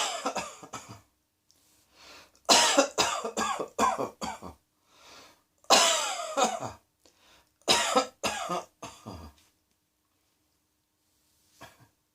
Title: Cross Dressing Coughing 30